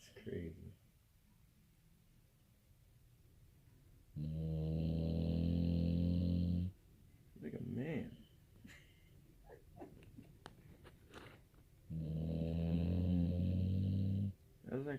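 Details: Dog snoring loudly: two long, loud, low buzzing snores with a steady flutter, separated by quiet breaths and faint room noise.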